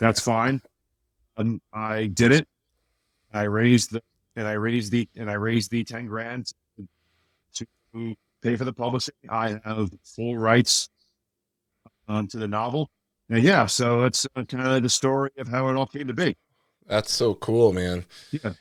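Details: Adult man with a speech impediment since childhood, much worse then and greatly improved, still slightly audible; mild speech disfluency.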